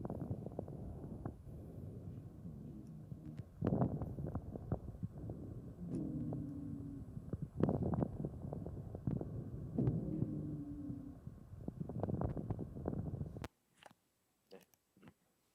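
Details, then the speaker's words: Lung sound dataset sample of combined crackles and wheeze, the fourth category after normal, crackle and wheeze. Brief musical wheezes mix with scattered crackling clicks. "네 번째는이 크래클이랑 피즈를 합치는"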